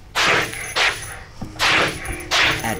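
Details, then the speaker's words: Labradoodle with massive sneezing fits up to four times a day, white nasal discharge and a raw-looking nostril, vet fears a possible nasal tumour: four forceful, explosive sneezes in rapid succession, a paroxysmal sneezing fit. "wow yeah that was extraordinary that isn't just a normal sneeze that is a full-on experience"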